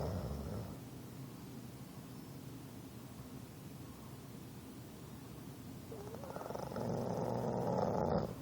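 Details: English Bulldog snoring while asleep: continuous low, rough, rattling breathing noise, louder toward the end.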